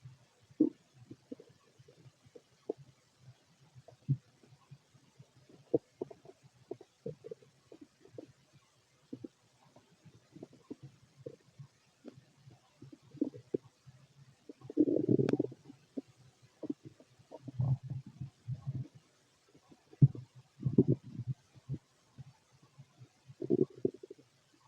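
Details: A fit male's empty stomach: scattered soft gurgles and clicks with a few longer low rumbles, ordinary bowel sounds with little activity.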